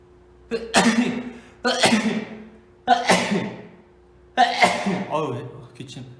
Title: sneeze